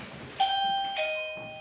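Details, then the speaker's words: 42-year-old man after a heart attack, kept alive for over a year by a heart pump while awaiting a transplant: two-tone chime from the pump controller, its alarm signalling low pump flow. "c'est quoi c'est la pompe qui sonne quand il y a le débit qui est trop faible relié à son cœur cette machine le maintient en vie depuis plus d'un an"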